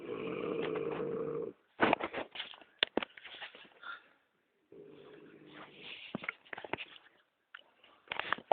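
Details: Man snoring (he denies snoring): rough, buzzing in-breaths followed by crackly, snorting out-breaths, repeating about every three seconds.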